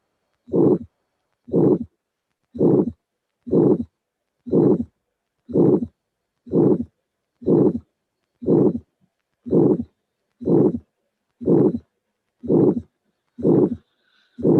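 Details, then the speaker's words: Elderly patient with a degenerative aortic valve, murmur loudest at the aortic area, regular rhythm near 60 a minute: harsh systolic ejection murmur of degenerative aortic stenosis. "This is what we hear in an old patient with a degenerative aortic valve with maximum intensity of the murmur on the aortic area. So this is a classical finding in a degenerative aortic stenosis of an old patient."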